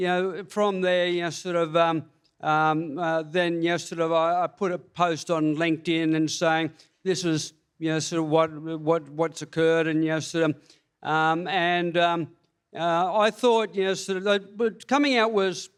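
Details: Hypokinetic dysarthria with disfluency and a slight stammer in a man with Parkinson's disease diagnosed February 2022, about three years earlier; reports breathlessness when reading aloud and has had speech pathology.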